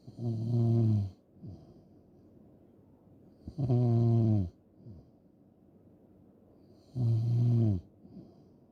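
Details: Three loud, rumbling snores on breathing in, about 18 a minute, each followed by a quieter breath out; typical heavy snoring in a snoring ASMR recording.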